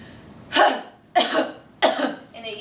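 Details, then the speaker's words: Respiratory-therapy demonstration for post-surgical or respiratory-disease patients: three sharp, breathy forced exhalations in a row ("huh-huh-huh"), a huff cough (forced expiration technique) to clear the airways. "so we're gonna have to patient to do the cup cup cup cup cup okay and then the same way with the huh-huh-huh-huh"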